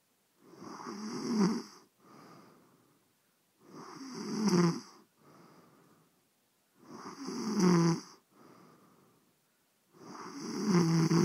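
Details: Adult woman snoring after a few beers: loud, rattling snores on each in-breath with softer out-breaths, steady at about 19 breaths a minute.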